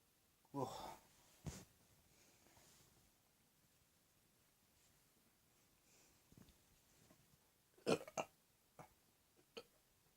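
A few quiet, quick burps with gaps between them in a still room. Ordinary belching.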